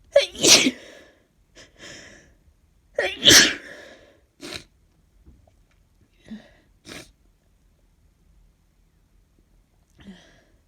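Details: A person with a cold gives two forceful, snotty sneezes, each after a quick inhale, followed by several short sniffs in a quiet room.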